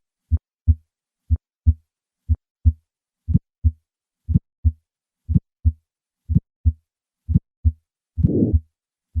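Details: Aortic stenosis: regular heartbeat about 60/min, first plain, then a sharp early ejection click, then a harsh diamond-shaped murmur; aortic stenosis with ejection click.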